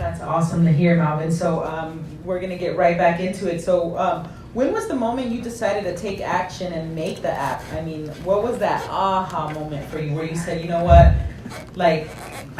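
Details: Adult speaker; normal speech.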